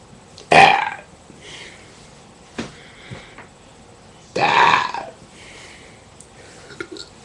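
Two loud, rough belches a few seconds apart, with faint voice sounds and quiet room noise in between; ordinary burping.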